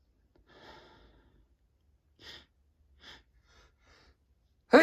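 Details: Person sneezing repeatedly in December, unable to stop: soft breathy inhalations and short puffs, then the sharp onset of a sneeze at the end in a quiet room.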